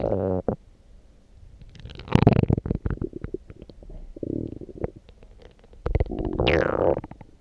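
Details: Loud stomach growling (borborygmi) after drinking coffee: deep growls and gurgling squeaks from the gut in several bursts, normal bowel sounds that are unusually loud.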